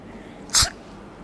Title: TYPES OF SNEEZES